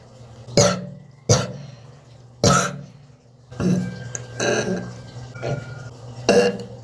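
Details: Several abrupt, harsh bursts at irregular intervals, some throaty and belch-like, about five to six coughs, in a recording that also includes vomiting, burps and nose blowing.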